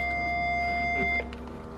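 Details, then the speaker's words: Physio-Control LifePak12 non-invasive blood pressure started automatically: steady electronic tone over a running pump hum, then the tone stops, as the cuff begins inflating. "pumping this cuff up okay this will take a blood pressure automatically"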